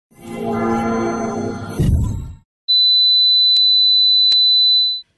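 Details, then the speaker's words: Tinnitus simulation: brief music followed by a steady high-pitched whistle, imitating the ringing in the ears of tinnitus. "si alguna vez ha escuchado estos ruidos podría padecer de tinnitus"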